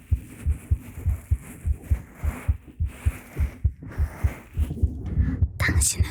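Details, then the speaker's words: ASMR talking roleplay recorded on a 3Dio Pro binaural microphone: soft, regular thumping heartbeat at about 100 per minute with faint room noise and rustling, portraying an embarrassed woman whose heart beats faster; heartbeat. "The woman was embarrassed and her heart was beating faster."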